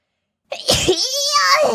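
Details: VTuber sneezing during an anime watchalong, remarking the anime is too cold: a quick indrawn breath then a loud, high-pitched voiced burst; a single sneeze.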